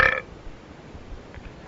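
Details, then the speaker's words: Prank call: one loud, deliberate, voluntary belch into a telephone, heard over the phone line, followed by faint line noise. "burp my ear again pal I don't appreciate that mhm so um so is it still on not if you're going to act this way that's not professional"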